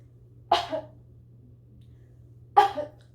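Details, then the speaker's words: Two separate sharp, dry single coughs about two seconds apart over a steady low hum, from an adult reporting allergy-season bronchial spasms with weather change, making breathing hard, and who uses an inhaler; cough. "y'all forget is allergy season okay I have bronchial spasms during this time because of the weather change for my lungs twitch it is hard for me to breathe"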